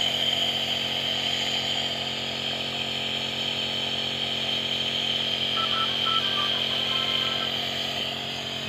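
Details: Nebulizer compressor running with a steady, loud mechanical buzzing hum during a night-time steam breathing treatment for a child's cough, hoping they recover for school in the morning.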